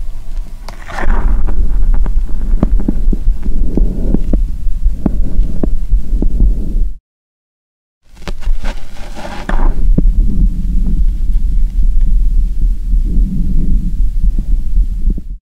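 Steady, muffled low thumps of an adult heartbeat recorded close to the chest, with a brief silent break.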